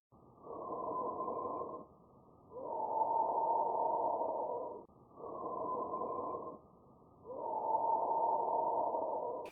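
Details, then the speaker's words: Normal bronchial breath sounds heard over the trachea with a stethoscope: loud, high-pitched, hollow, harsh breathing with a short inspiration, a brief pause, then a longer expiration. "so up here in this area they are high pitched and loud and you will notice when you listen to them that the inspiration will be slightly shorter than the expiration and this is what bronchial breath sounds sound like"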